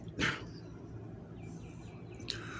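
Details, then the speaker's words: Adult man's single brief, sharp sneeze over quiet room noise, attributed to allergies; sneeze. "i had to sneeze and two anyways um allergies man"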